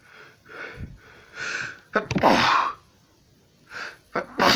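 Repeated sneezes, each a sharp inward gasp followed by an explosive burst, about three in quick succession.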